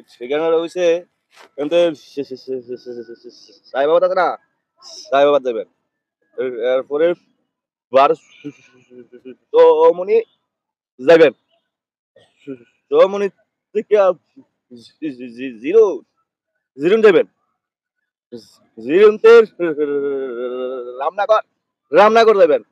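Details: Acted stuttering by a man in a Bengali comedy sketch, with sound and word repetitions.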